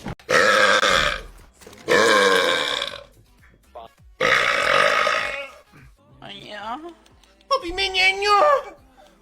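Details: Several long, loud, deliberate burps in a row over background music; burping compilation.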